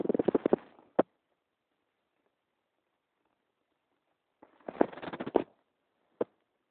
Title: Stomach rumbling